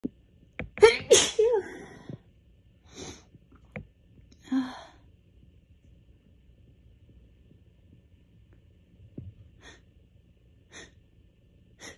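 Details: Allergy sneezing fit caught just before bed during a week of bad allergies: a sneeze with gasping build-up, then softer sniffs and small sneezes in a quiet room.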